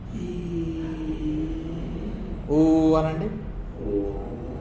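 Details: Patient with severe hoarseness from vocal fold paralysis, pre-therapy assessment before voice therapy, producing sustained vowels and pa-ta-ka syllables on request; hoarse voice (dysphonia) from vocal fold paralysis.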